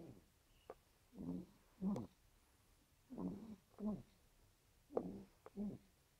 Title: very cute baby snoring